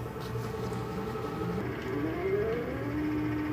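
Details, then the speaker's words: Steady machine hum with rising tone as a CAIRE SeQual Eclipse 5 portable oxygen concentrator powers up after holding the power button, starting its five-minute warm-up; normal start-up. "the eclipse power's on it is normal for all three lights on top of the machine to come on during a 5 minute warm-up period"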